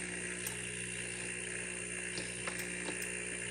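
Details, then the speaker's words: Apex Domus 3 air mattress pump (ICU/LTC use) running after repair of a no-pressure problem, cover off so louder than usual: steady whirring motor with scattered rattling clicks; pressure restored to normal, indicator lights. "Yan. Ibig sabihin yan yung normal yung ating pressure. So okay na. So maingay yan kasi nga hindi pa natin nakatakip."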